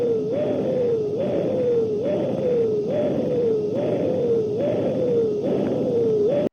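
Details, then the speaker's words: High-pitched bruit over a dialysis loop AV graft on a medical training model: rhythmic whooshing with a rising high-pitched tone each pulse, about 70 a minute, suggesting graft stenosis; report to the nurse. "If you don't hear anything, if the sound changes from what you've heard before, or if you hear a high-pitched sound, stop and report it to the nurse for further evaluation. A high-pitched bruit may suggest the presence of stenosis. It may sound something like this."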